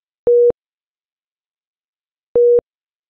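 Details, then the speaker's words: Low priority alarm on an Efficia DFM100 monitor/defibrillator for a device problem or non-life-threatening condition, e.g. SpO2 non-pulsatile: two short, steady mid-pitched tones about two seconds apart. "or this priority alarms indicate a device problem or non life-threatening condition such as this spo2 non-pulsatile message and they appear in this cyan background and sounds like this"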